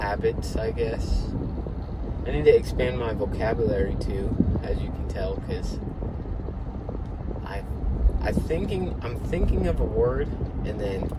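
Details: Young adult man who reports stuttering a little, a good amount; stuttering (mild).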